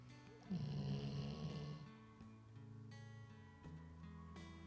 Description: My dog fell asleep with her new ball in her mouth. She is a funny snorer :)